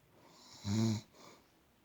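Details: One loud, rumbling snore on a breath in followed by a soft breath out, from an elderly woman (grandmother) sleeping; ordinary snoring.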